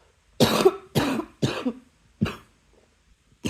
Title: # 148 long time no cough... I'm sorry my loves